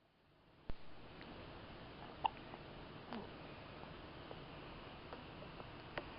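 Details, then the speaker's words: Several short, sharp, irregular hiccups in a quiet room while awake, with yawning and a little passing of gas (tooting) in between; hiccups. "You're wide awake right now, aren't you? Hiccuping and yawning and tooting. All these things."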